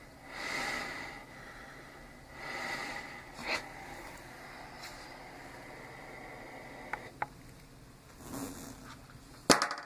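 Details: A small travel CPAP machine (DreamStation Go, AirMini or Transcend) running at 10 cmH2O with flex 3: soft whooshing airflow surges rising and falling with breaths over a low steady hiss, plus a few clicks.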